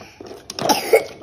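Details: A young child gives a single short, soft, pretend cough during pretend play, playing at a "Pak Haji" who coughs and must take medicine; an imitated voluntary cough.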